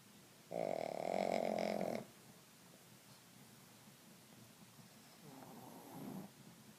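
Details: Napping pugs snoring: one loud rattling snore on the in-breath, then a quieter one a few seconds later.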